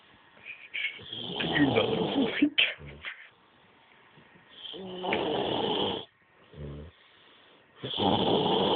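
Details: Very drunk man: loud, harsh, irregular snoring with snorting breaths and short pauses between them; heavy snoring.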